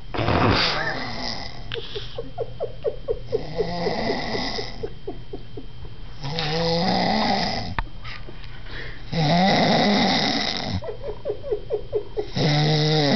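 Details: Person snoring loudly: rough, fluttering snores on each breath in, about every three seconds, with a rapid rattle between them, over steady background noise.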